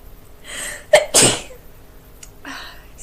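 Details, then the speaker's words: A quick inward gasp, then one loud, explosive sneeze and a soft breath from a girl who just woke up, says she is very sneezy and seems to be getting a cold; single sneeze. "I really am getting a cold it seems oh Lord Jus excuse me I'm going to sneeze I think"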